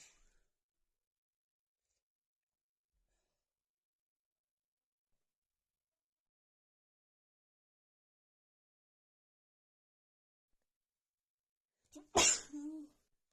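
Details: Adult female, itchy nose from dust inhaled while cleaning: long silence, short inhalation, then one sharp, wet, explosive sneeze.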